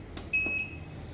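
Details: A soft click, then a single short, high-pitched beep from a digital cervical and lumbar traction unit as its control button is pressed to switch traction mode among static, harmonic and intermittent.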